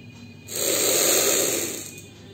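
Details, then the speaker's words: Sitting upright, exhaling first, then taking one strong, long breath in through a capsule inhaler: hissing airflow with a light rattle from the spinning capsule, demonstrating correct inhaler technique. "এবার জোরে দীর্ঘ সময় ধরে শ্বাস টেনে নিবেন device টানার ক্ষেত্রে আপনাকে খেয়াল রাখতে হবে আপনি যত জোরে শ্বাস টানতে পারবেন ওষুধটা তত আপনার ফুসফুসে ভেতরের দিকে যাওয়ার সম্ভাবনা বাড়বে"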